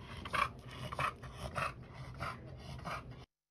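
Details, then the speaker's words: Stertor in a flat-faced (brachycephalic) dog with brachycephalic obstructive airway syndrome: rapid, rhythmic raspy snorting breaths from soft tissue obstructing the upper airway. "that but again that raspy that raspy sound that stirder that is the sound we're looking for because that is a tissue obstructing the airway"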